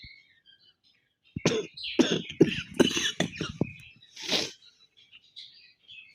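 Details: A run of about seven harsh coughs in quick succession, ending with a throat clear, from a person with a cold and chest congestion, recorded for a cough challenge.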